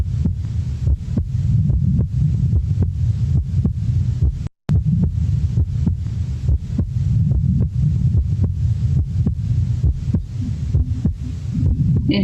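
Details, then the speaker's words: Physiological splitting of the second heart sound, played as a teaching example. "sumamos todos a este link por favor para poder escuchar el desdoblamiento fisiológico de primero de cannes"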